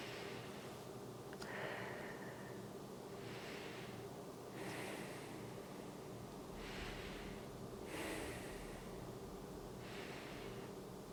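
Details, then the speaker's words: Real-person annual head-to-toe checkup, stethoscope over the chest while the adult woman takes slow deep breaths; soft airy rushes, no wheezing, rales or rhonchi: clear, normal breath sounds. "So all the lung fields that I've listened to so far appear to be clear. No wheezing or rales or rhonchi, no adventitious sounds."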